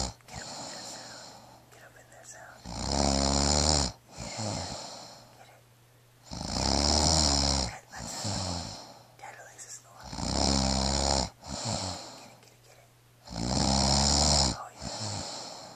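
Loud, rattling snores on each breath in, about four in sixteen seconds, with quieter breathing out between: heavy snoring.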